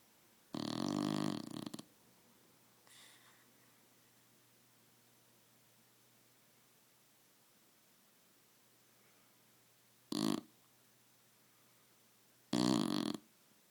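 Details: Sleeping dog making a few separate rough, snorting breaths with long quiet gaps between them; snoring.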